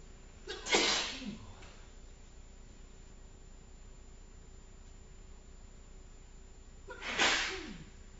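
Two separate sneezes, each with a brief in-breath followed by a sharp explosive burst, several seconds apart in a quiet room.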